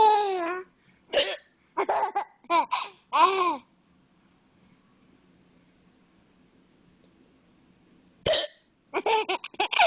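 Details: Mother's hiccups while her baby son sits on top of her and finds them hilarious: sudden short voiced catches mixed with laughter, a quiet gap, then another run of abrupt gulping hiccups.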